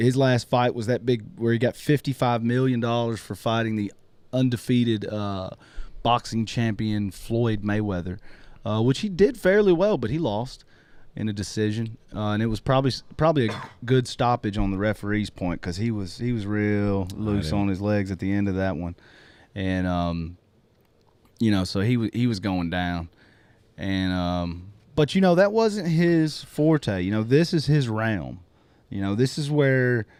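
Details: Adult male speaker; normal speech.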